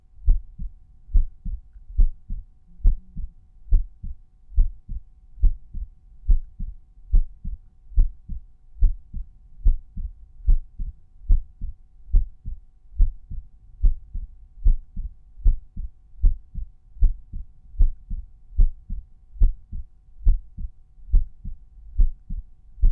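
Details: Normal resting heart sounds heard at the tricuspid auscultation point, volume normalized per point.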